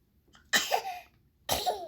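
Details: Infant in a new chair: two quick, sharp bursts of air about a second apart; a pair of small sneezes.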